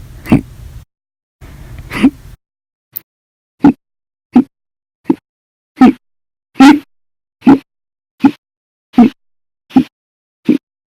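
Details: Audio-only recording of repeated hiccups (described as violent, loud, silent, minute), a run of about ten sharp short hiccups roughly every 0.7 seconds after a brief noisy stretch.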